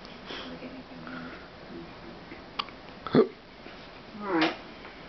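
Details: Infant girl with hiccups: two abrupt, brief catching bursts of breath over faint room noise.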